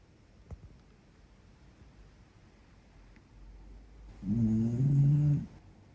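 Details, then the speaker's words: A tired dog, worn out after a long walk in Central Park, gives one loud, low, buzzing snore lasting about a second and a half after a few quiet seconds; dog snoring. "听到没有？他打呼噜。他今天去Central Park走了好多的路，累到了。"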